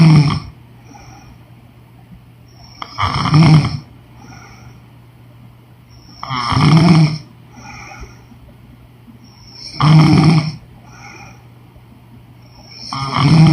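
Loud, rough snores on each breath in, about 18 a minute, with quiet breathing out between them.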